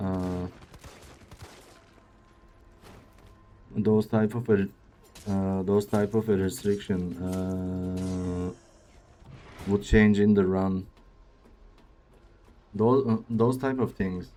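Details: Male speaker with a self-reported speech disorder, type not named, which he says sounds like a game character's but much worse; speech disfluency with repeated words, fillers and broken phrasing.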